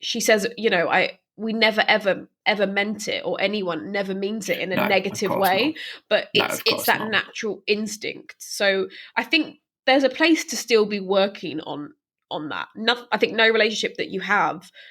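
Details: Stammering in a woman who stammers herself, speaking as co-host of a stammering association podcast; real, not acted.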